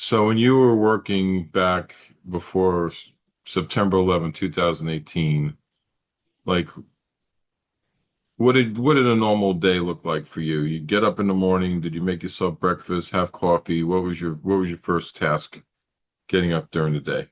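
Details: Adult male speaker; normal speech.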